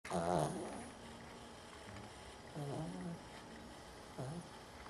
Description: My dog Ela has trouble breathing though her nose sometimes which causes her to snore a lot in her sleep.